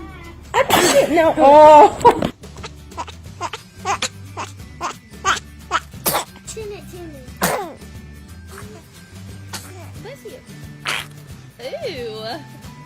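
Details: A loud burst with a child's vocal sound, then short sharp bursts over background music, fitting a baby's sneezes; sneezing.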